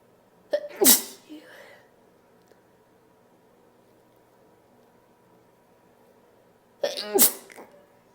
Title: More sneezes, noseblows and showing snot (F)